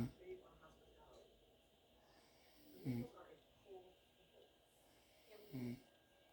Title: Snoring Cat Indica